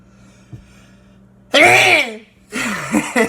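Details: A sneeze forced by tickling the inside of the nose with a toothpick.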